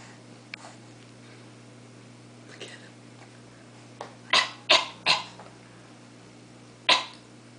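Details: 5-month-old baby boy practicing a fake cough on request: several short, breathy deliberate imitation coughs, not from illness.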